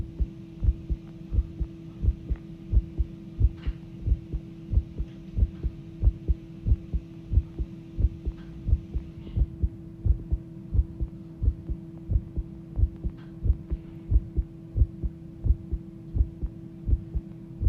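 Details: Recorded heartbeat that started pounding: strong, regular thudding heartbeats at about 88 a minute over a steady low hum; pounding heartbeat.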